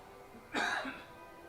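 A single short cough from an adult, with soft music playing in the background.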